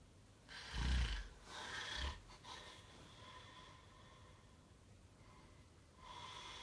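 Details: Two snorting, rattling snores, then quieter breathing against room noise; snoring.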